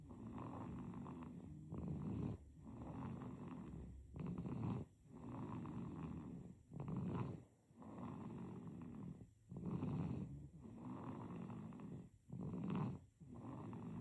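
Rhythmic rattling breath noises at about 22 a minute during sleep, with quiet pauses between them: an infant snoring.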